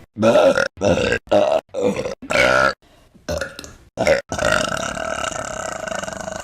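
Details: A run of loud, deep, drawn-out belches, about eight in a row, the last one long and sustained; repeated burping.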